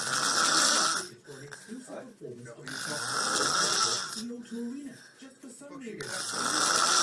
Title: [Deleted Snoring Vids No.6] Snoring